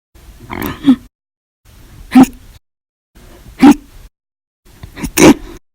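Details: Compilation of hiccups recorded 8/1/19 to 8/31/19, described as violent, loud or silent, audio only: four short, sharp vocal hiccups, each a sudden gulping catch after a soft intake, about one every 1.5 seconds; hiccups.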